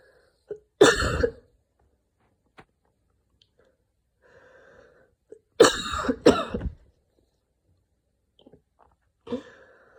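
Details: After an evening run in cold air, a person with asthma gives several harsh, separated coughs with faint musical wheezy breathing between them: a mild asthma flare.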